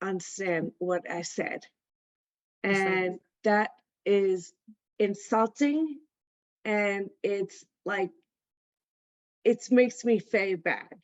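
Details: Aphasia in an adult female stroke survivor attending an aphasia center.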